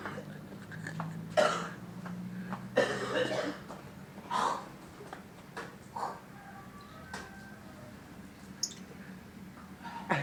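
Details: Person in a persistent coughing fit while trying to clean the yard, unable to stop: repeated harsh coughs in close succession with throat clearing between.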